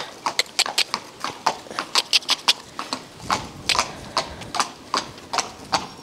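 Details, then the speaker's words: Horse with a swollen leg, facial rashes and mild lethargy, trotted out on a hard surface to check for lameness: sharp, even two-beat hoofbeats with no uneven or skipped beats; not lame. "and he's actually not lame so that's really good so even with the swelling you expect him to be okay a little bit stiff that and that's acceptable"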